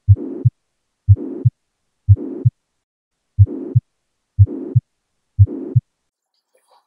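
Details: Mitral regurgitation: regular heart sounds at about 60 per minute with a blowing pansystolic murmur filling the gap between first and second sounds, described as radiating to the left axilla.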